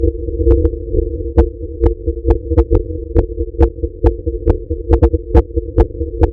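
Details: Fast heartbeat (tachycardia) in a female at rest: rapid, fairly regular beats at about 130 a minute over a steady humming tone.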